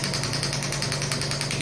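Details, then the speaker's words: Pneumatic extracorporeal shockwave therapy (ESWT) device, 0.5–12 bar, firing at intensity 4.5 with power raised toward 6 and frequency then lowered: steady rapid rattling taps over a low hum, like a small jackhammer. "यहाँ पे counter शुरू हो गया shorts के लिए, और जैसे जैसे मैं पावर बढ़ा रहा हूँ, सिक्स तक मेरे को पावर इतनी आ रही है कि मैं उसको डियर नहीं कर सकता, तो मैं फ्रिक्वेंसी वो कम करके भी दिखाता हूँ।"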